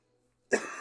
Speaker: also I do apologize for coughing I'm sick at the time of this recording